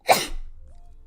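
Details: A single sharp, explosive sneeze with a burst of air, then quiet, from a young woman in a sneezing compilation.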